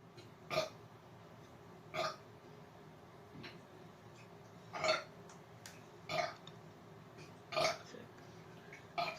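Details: Voluntary rapid burping in an attempt at 100 burps in 2 minutes: repeated loud voiced belches, about seven in nine seconds, at irregular intervals.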